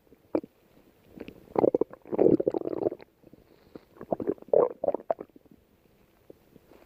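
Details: Bubbling, gurgling rumbles in short runs and longer bursts while lying down; ordinary stomach growling (borborygmi) from gas and fluid moving through the gut.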